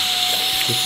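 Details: Loud, steady, high-pitched motor whoosh with a constant whine: an electric nasal aspirator (Nosiboo Go) running during suction of a young boy's nose during a cold, clearing mucus.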